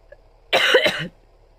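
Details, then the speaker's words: An adult woman having a bad period, who reports coughing fits whenever she tries to speak, gives one short, harsh cough burst of two quick pulses as part of a coughing fit. "Alors maintenant j'ai une quinte de toux. J'en ai pas eu depuis tout à l'heure. Voilà, c'est quand je veux parler qu'il faut que j'ai des quintes de tout."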